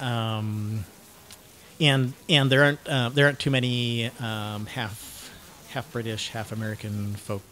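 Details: 49-year-old man diagnosed with cluttering, self-described syntactic subtype; cluttering.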